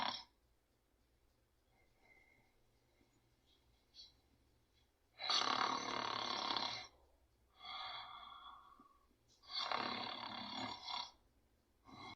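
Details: Snoring during sleep: loud, harsh, rasping snores alternating with breathy exhales and quiet pauses.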